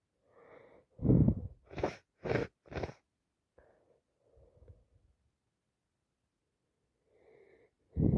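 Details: Person with a bad common cold, recorded in real time: several sharp, wet sneezes in quick succession with sniffing breaths between; repeated sneezing.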